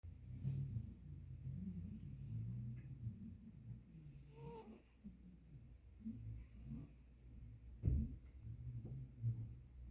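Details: Snoring with soft, low, rattling snores and irregular breaths in a quiet room.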